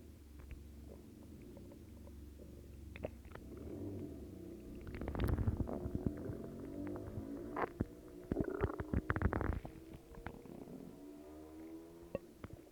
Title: Stomach growls